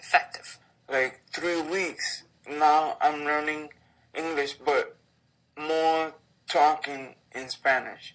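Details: Adult man; aphasia.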